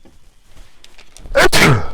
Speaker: Korona how people like when somebody sneezes before 2020 salut bless you now in 2020